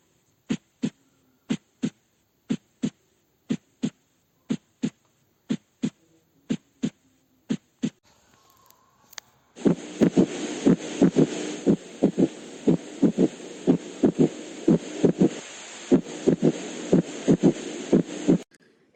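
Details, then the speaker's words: Fourth heart sound gallop: repeating low-frequency heart sounds in groups of three, with an extra sound before S1, indicating abnormal ventricular filling as in dilated cardiomyopathy. "cuarto ruido está relacionado a la vibración de la cisto ateral estos ruidos el tercero y el cuarto no son normalmente auscultados en pequeños animales y su presencia indica un llenado ventricular anormal"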